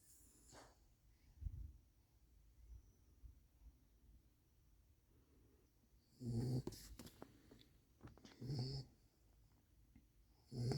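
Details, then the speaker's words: Young female dog snoring at nap time: quiet room, then a few soft, rough snorting breaths; light snoring, expected to get louder as she grows bigger. "the snore's only gonna get louder as she gets bigger. Yeah, you. You snoring up a storm."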